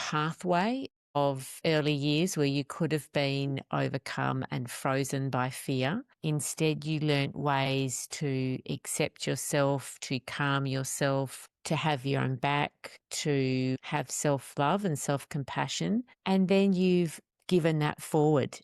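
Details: Adult speaker; Typical adult speech.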